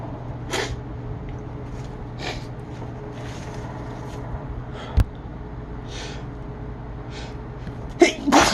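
A run of several short, breathy sneeze-like bursts over steady room hum, with a louder burst at the end; a bout of repeated sneezing.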